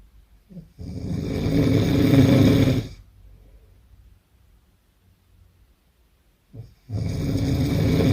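Two long, loud, harsh rattling snores on inhalation separated by quiet breathing; heavy snoring.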